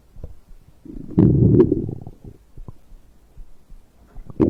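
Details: Stomach growl after drinking a beverage: brief low gurgling rumble followed by faint bubbling, ordinary digestion bowel sounds.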